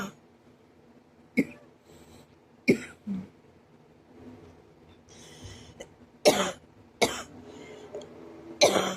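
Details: Five sharp, harsh coughs at irregular intervals with quiet breathing between; the person says the cough hurts their ribs and chest.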